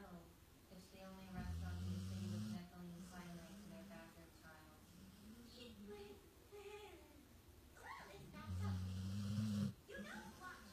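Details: Adoptable male pit bull rescue pup happily snoring while asleep at work with his foster carer: two long, low, buzzing snores with quiet breathing and faint room noise between.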